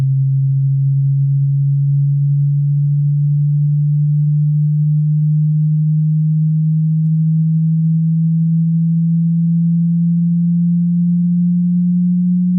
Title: Test de audición auditivo desde graves a agudos Hearing test